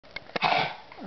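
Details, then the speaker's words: Small terrier dog with a cough of a few days, coughing about six minutes this episode, also very itchy: two quick dry coughing bursts then harsher gagging, a nonproductive choking cough without honking or real wheezing. "it's it's uh like a choking cough she's not producing anything there's no honking there's no real wheezing um but it's like a gagging choking cough"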